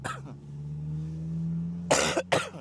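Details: Adult at the gym before a leg workout gives two short, loud coughs after a brief vocal sound, over a steady low engine-like hum; cough.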